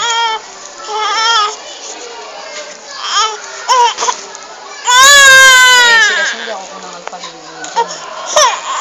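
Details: Infant crying while being washed and feeling cold: loud, rising-falling cries in repeated bursts, with adult voices nearby.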